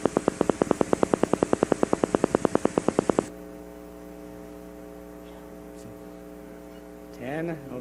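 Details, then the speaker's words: Rapid semi-rhythmic crackling pops from one motor unit firing at about 9 Hz, then a steady hum; normal firing and recruitment on needle EMG. "you know it's semi rhythmic so it's gonna change a little bit as its firing but on average this is about nine Hertz okay still normal"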